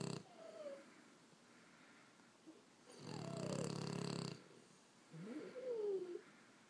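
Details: Two sleeping French bulldogs, 18 months and 6 months old: low snorting snores with squeaky whistling noises between; flat-faced dog snoring.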